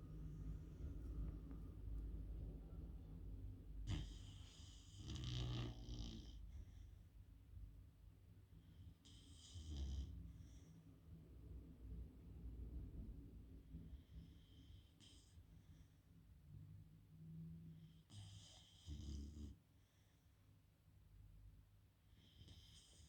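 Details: A beagle sleeps comfortably on a sofa and snores with low rumbling breaths, broken by occasional snorts and sniffing sounds.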